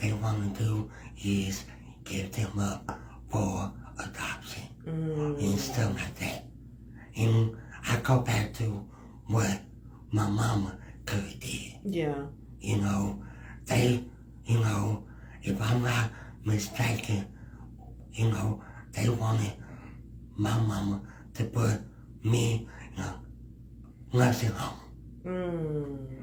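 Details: Speech impediment in a male guest who is part of the disabled community; finding: speech impediment.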